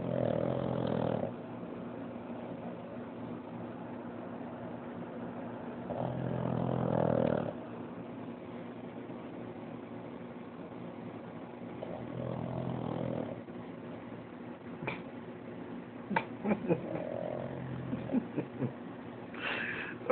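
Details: Pug dog napping: rough, rumbling, buzzsaw-like snores in bursts several seconds apart, with quieter breathing and a few sniffs between them; snoring.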